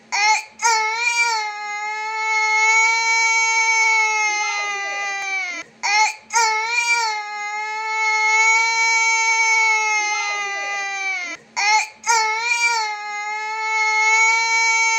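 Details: An 18-month-old boy cries in long sustained wails every five to six seconds with breath catches; sudden, not due to illness, wanting close touch, on a winter morning before his oil massage and bath.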